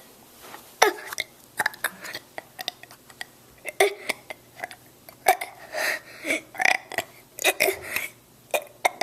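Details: 6-year-old child burping: a rapid series of loud burps, one after another, in a quiet small room.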